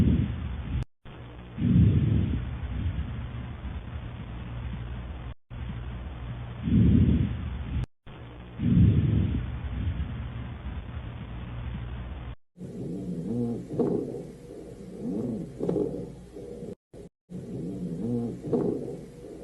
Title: Normal & Abnormal Lung sounds- Wheeze, Rhonchi, Crepitus, Stridor #mbbs #medicine #neetpg